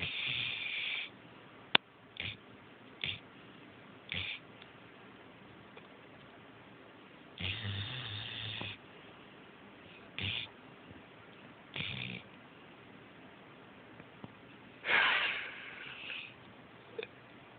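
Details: Sleeping female dog, said not to be overweight and to breathe poorly, with irregular bursts of noisy snorting breaths separated by quiet gaps; snoring.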